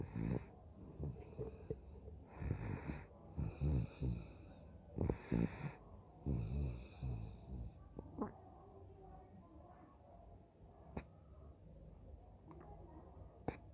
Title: snoring while sleeping